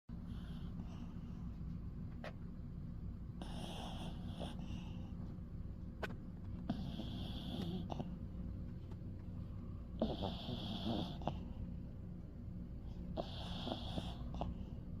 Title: 30 sec of my little dog snoring louder than we do #DogDad #deepsleep